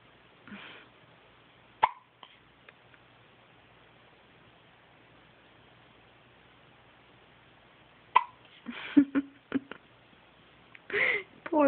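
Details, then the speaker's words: Baby with hiccups: a few short, abrupt hiccup sounds separated by quiet pauses, in a small room. "Whoa, hiccups. Whoa. Oh, God bless you. Oh, jeez."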